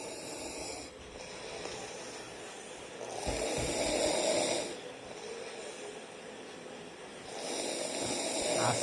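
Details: Loud, rough snoring from a sleeping person at night, recorded by family, gradually getting louder: slow regular cycles, each noisy inspiration building and fading, about two per ten seconds.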